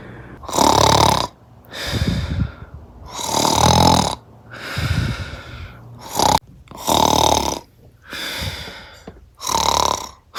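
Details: Loud, rough snores with each breath, alternating harsh inhaled rattles and softer exhaled snorts, about eight in ten seconds; snoring.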